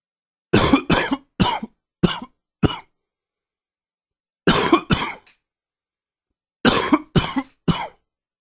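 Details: Person with a cold setting in: three bouts of harsh coughing, ten coughs in all, with quiet pauses between.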